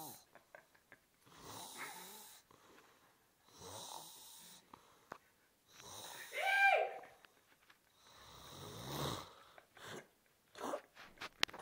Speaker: no podemos dormir por los [Música] ronquidos